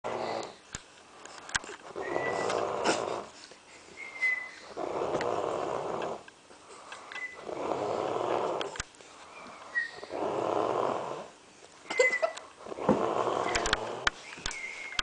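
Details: Snoring from the uploader's mother, loud, repeated rough snores on each breath, about five in fifteen seconds, with quiet gaps and faint room noises.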